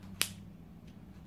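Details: A single sharp crack over quiet room hum: the cavitation pop of a lumbar spine zygapophyseal (facet) joint gapping during manipulation.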